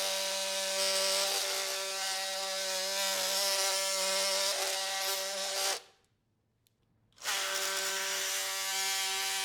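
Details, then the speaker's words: Steady high-pitched buzzing whine of an oscillating bone saw, briefly stopping and restarting, making the posterior femoral cuts during total knee arthroplasty with mechanical alignment for knee osteoarthritis; retractors protect the MCL, LCL and popliteal tendon. "after this we move on to the posterior Cuts use a concave retractor to protect the medial structures including the MCL and the lateral structures including the LCL and the poal tendon you will feel the resistance decrease when you have achieved the correct depth"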